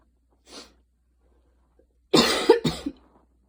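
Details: Person coughing after a very fast 10-minute run in light rain: a short breath, then two harsh coughs in quick succession; small post-run cough.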